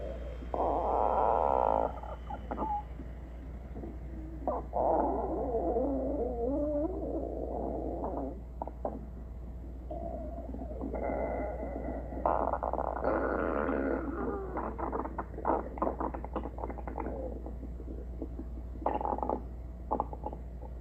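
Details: Stomach growling (borborygmi): irregular gurgling, squeaky rumbles and bubbling bursts over a steady low hum.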